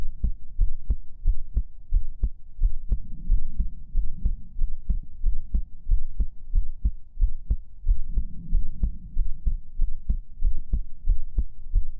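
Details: Steady, deep double-thump heartbeat at about 90 beats a minute with a soft low hum behind it; regular rhythm, a normal heartbeat in a relaxing ASMR recording.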